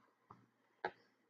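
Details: Two sharp clicks in a quiet room, the second louder: TMS coil pulses over the left dorsolateral prefrontal cortex during motor threshold calibration in a 37-year-old man with depression, anxiety and PTSD; coil click.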